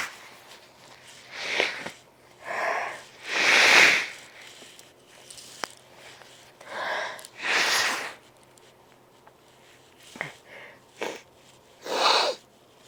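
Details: Repeated sneezing fit in a congested person whose nose was left very sensitive after an intense morning fit less than an hour earlier: about six loud, forceful sneezes with brief sniffs between, in a small room.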